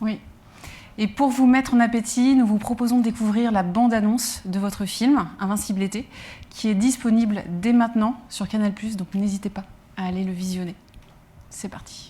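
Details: Adult woman speaking French; normal speech.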